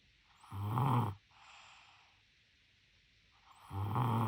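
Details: Two low, rumbling snores on the in-breath about three seconds apart, with a soft breath between: snoring in a sleeping infant.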